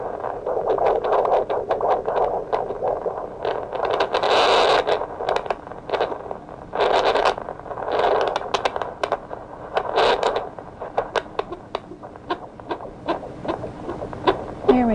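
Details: Rapid, repeated pulsing clicks through hissy Doppler static: fetal heart sounds during pregnancy.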